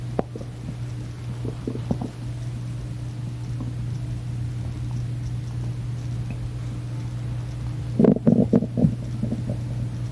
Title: [Bit Hungry] starving stomach noises